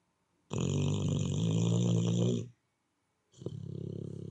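A long, loud, rattling snore lasting two seconds, then a pause and a softer, fluttering snore.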